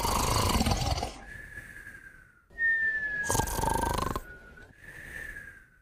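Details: A sleeping puppy and a companion snoring together: rough, rasping snoring breaths alternate with thin, high-pitched nasal whistling tones during sleep.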